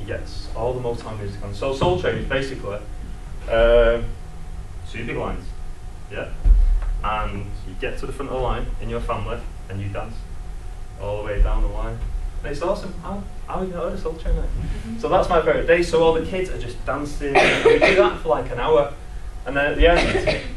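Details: Adult man who lives with a stammer; stuttering.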